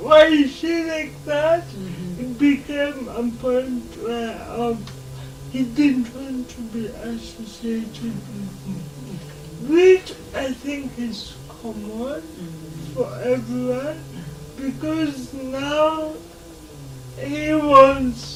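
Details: Dysarthria in a 26-year-old woman with lifelong cerebral palsy, who learned to talk much later than other children; real, not acted.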